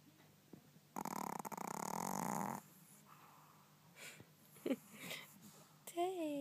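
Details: Pomeranian dog snoring: a loud rattling snore on one in-breath, with brief snorts after it; a television news broadcast plays in the background.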